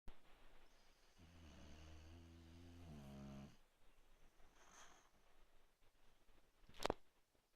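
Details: Snoring: a single low, droning snore lasting about two seconds in a quiet room, followed by soft breathing.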